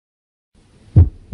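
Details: A single low, dull thud through the stethoscope, slightly low-pitched, about 0.14 s and longer than S2, loudest at the apex and tricuspid area with the diaphragm, from atrioventricular valve closure: normal first heart sound (S1).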